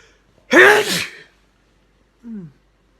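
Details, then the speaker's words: Adult woman sneezing: one loud, forceful sneeze with a sharp burst of air, then a brief quiet vocal sound a second later. "what that's what a grown woman sneeze sounds like hey"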